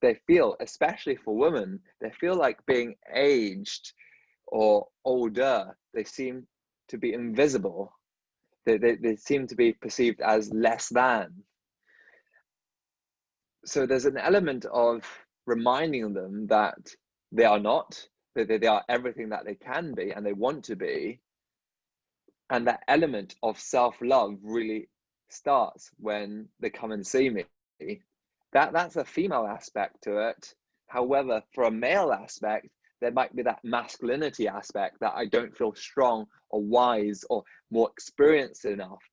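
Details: Adult dentist who stutters, speaking in a podcast conversation with another dentist who stutters; stuttering.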